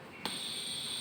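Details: Hamilton C-3 ventilator during nebulizer use: a single click followed by a steady high-pitched electronic alert tone over room hum.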